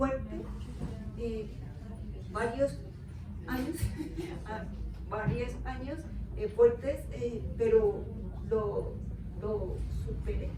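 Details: Adult woman with aphasia for 13 years after a left-hemisphere stroke from a ruptured aneurysm with haemorrhage, followed by a month in coma; she woke unable to speak, read or write, with half-body paralysis; finding: aphasia.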